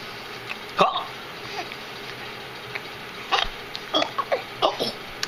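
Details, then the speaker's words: Hiccups: several short, sudden glottal pops at irregular intervals over steady room noise. "I got that hiccup and I guess it is like your mommy with the hiccups"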